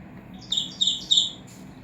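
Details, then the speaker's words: Three short high-pitched chirping beeps, the cancel tone of a Solt wireless nurse call display panel, heard as an active call is cancelled with the cancel button during a demonstration. "Now only one call is active which is leaving room. I'll cancel the call by pressing the cancel button."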